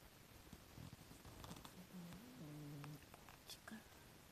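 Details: Soft, low, slightly whistling snore sounds from a cat sleeping deeply on a lap, very quiet against faint room noise; snoring.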